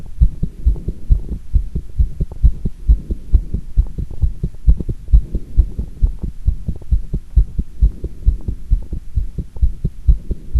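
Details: Fast heartbeat recorded with pressure on the chest after doing squats: strong, rapid, low thumps at about 130 a minute, fairly regular, with one irregular beat (arrhythmia) noted.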